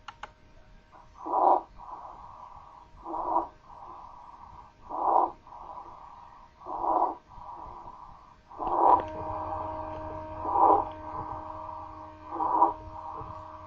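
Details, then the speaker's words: Repeated loud, harsh, high-pitched crowing noises with each breath: stridor, a laryngeal sound indicating inflammatory or mechanical upper airway narrowing. "sonido que se produce básicamente en la laringe y nos da una idea de una estenosis sea inflamatoria o de tipo mecánico es parte del síndrome de la obstrucción de la vía aérea superior"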